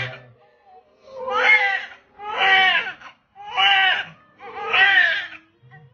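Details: Newborn at birth giving repeated strong, full-voiced wailing cries with brief pauses for breath; vigorous newborn cry.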